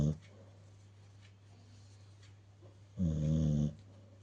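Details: A sleeping dog, said to snore all day, gives a low, buzzing snore lasting under a second, over a steady room hum.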